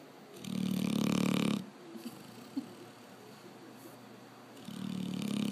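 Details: A sleeping Labrador gives two long, rough, rumbling snores separated by a quiet pause with faint small noises; snoring.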